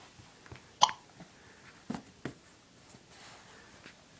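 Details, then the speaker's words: A young girl with hiccups: one sharp, sudden hiccup-like click, then two fainter similar catches in a quiet room; hiccups. "You have hiccups?"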